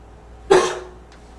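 A single harsh, barking cough with a faint whistling tail as it fades, a barking cough with slight wheeze.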